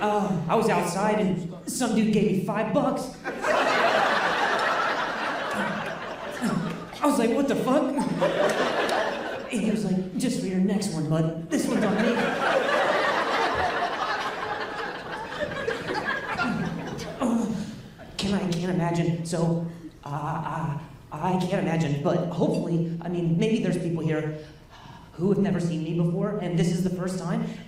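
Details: Male stand-up comedian who stutters, performing live; he says his stutter is the worst in a long time and he has involuntary sounds and tremors this week; stuttering.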